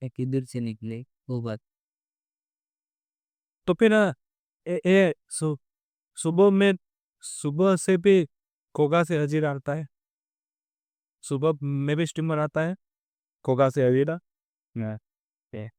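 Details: Stuttering in an adult male on day 27 of a stammering-control programme, using pausing and pacing techniques; background-noise removal applied to the recording altered his voice.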